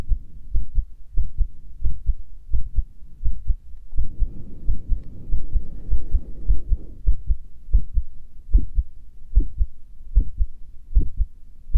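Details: Carotid pulse heard at the neck, beating faster than before recording: regular low thumps at roughly 90 beats a minute, with a brief rustle.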